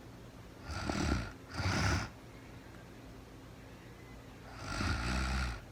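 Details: Real-time recording of a woman asleep at night after being very tired, no talking, described as REM sleep: soft, fluttering snores on the breath in and a breathy breath out, over light room hiss; snoring.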